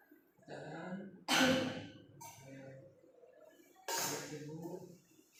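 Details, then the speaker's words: Nurse-guided effective (huff) cough exercise for a female patient to expel phlegm. After warm water, she takes three breaths in through the nose and out through the mouth, holds, then gives two forceful coughs. "Nah, nanti tarik nafas 3 kali. Masuk di hidung, keluar dari mulut ya Bu. Ibu ikuti apa yang saya lakukan. Nah, yang kedua itu Ibu nanti ditahan. Yang terakhir Ibu langsung keluarkan."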